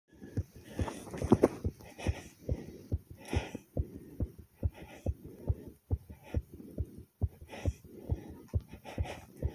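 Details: Self-recorded very fast, forceful heartbeat near 140 a minute with slightly uneven spacing and breath noise between beats. The person reports the rate going from fast to slow, pumping hard, maybe with a few skipped beats.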